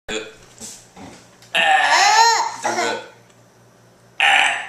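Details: A child and his father burping: a long, drawn-out voiced belch with shorter burp-like sounds and laughter around it.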